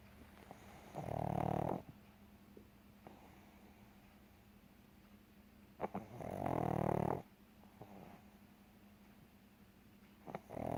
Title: Pug snoring